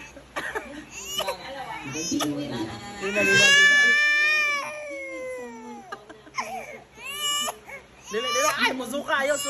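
An infant cries in rising, sustained wails broken by short sobbing breaths, with faint room noise in the background. Ordinary infant crying.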